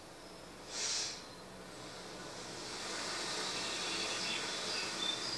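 Soft steady hiss builds gradually, white noise set just below tinnitus level to make the ringing less bothersome.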